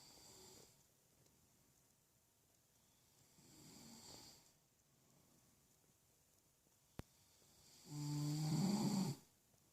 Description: Same night. About 4 mins after. He is currently snoring again.